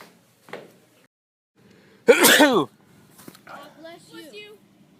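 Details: Sneezing: a single loud, forceful sneeze burst, followed by soft vocal sounds and room noise.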